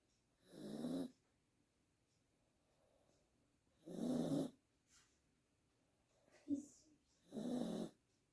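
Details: Pomeranian dog snoring loudly: rattling snores on the in-breath at about 18 breaths a minute, with a small snort between them in a quiet room.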